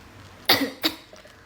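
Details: Two short, harsh coughs in a quiet room from a person who woke that morning suddenly hoarse and feeling a cold and cough coming on; a plain cough.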